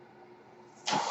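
A steady low mechanical hum, then a sudden rush of airy hiss as the home ventilator delivers air.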